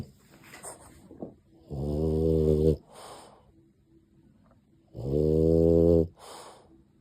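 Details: Aimer, a dog, in a cozy sleepy time, possibly snoring: two loud, buzzing snores on the in-breath, each with a softer out-breath, about 18 breaths a minute; a sleeping dog snoring.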